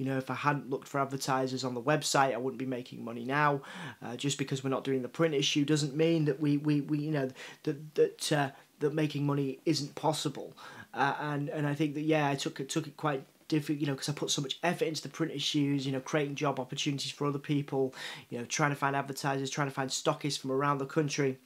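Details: Adult man, a journalist, with a self-reported stutter and cerebral palsy: stuttering.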